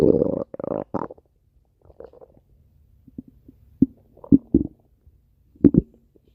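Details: Stomach growling: a low, gurgling rumble followed by scattered short bubbling gurgles and squeaks from gas and fluid moving in the gut.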